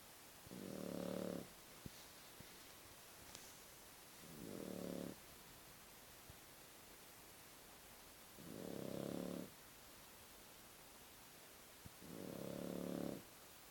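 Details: Puppy sleeping after 2 hours of intense play, snoring: four soft, rumbling, evenly spaced snores, about 16 breaths a minute.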